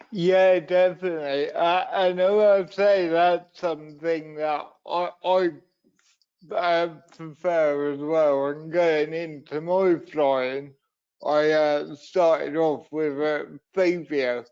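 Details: Adult man and wheelchair user with cerebral palsy from a brain injury sustained in an accident at birth, which affects his voice and leaves him unsteady on his feet; dysarthria (cerebral palsy).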